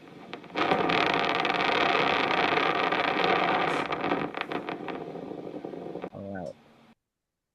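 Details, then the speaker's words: Needle EMG in a relatively healthy muscle while the patient voluntarily contracts it: a dense, crackling, static-like roar showing full recruitment of muscle fibers, a normal interference pattern. "So, that's what a muscle sounds like for a physician. What we're looking for is we're looking for the tiny little muscle fibers to recruit."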